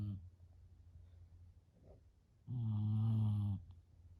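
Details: Sleeping female, not woken even by a sneeze: quiet breathing, then one loud, low, rattling snore lasting about a second; snoring.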